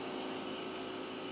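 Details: Trach humidification compressor (50 psi type) running: steady airy hiss with faint motor drone as mist flows through tubing, a valve T adapter and a trach mask for a tracheostomy patient.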